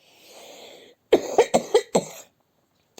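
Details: A woman sick at home with a viral illness, lying in bed in the morning, gives a quick run of five short, forceful coughs after a drawn breath.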